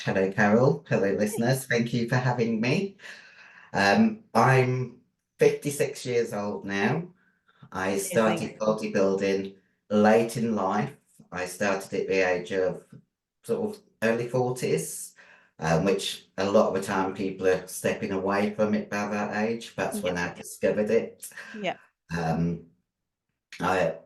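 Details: 56-year-old female bodybuilder who took large doses of male anabolic steroids; voice, formerly very high-pitched, is now very deep and she can no longer sing: androgen-induced voice deepening (virilized voice).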